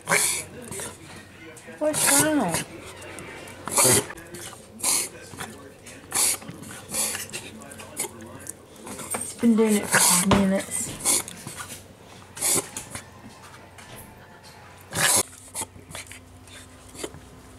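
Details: Dog with repeated harsh, noisy snorting gasps every second or two; owner wonders whether it is dog asthma or reverse sneezing; reverse sneezing episode.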